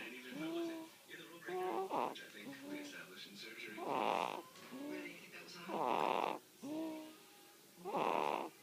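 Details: Rhythmic rattly snores about every two seconds, roughly 30 a minute, with squeaky whistling breaths between them; snoring.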